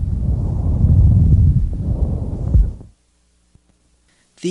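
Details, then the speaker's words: One loud, high-pitched, hollow, pipe-like blowing breath cycle over the manubrium; the expiratory phase is louder and longer than inspiration, with a distinct pause between them: normal bronchial breath sounds. "characteristically loud high-pitched bronchial breath sounds resemble the sound of air blowing through a hollow pipe their expert ory phase is louder and longer than their inspiratory phase"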